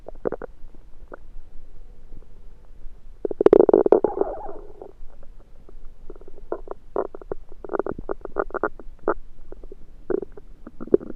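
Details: Strange belly sounds that began suddenly after eating a home-cooked meal the person thinks was undercooked: frequent bubbling, popping gurgles with one longer churning rumble. Active bowel sounds (borborygmi).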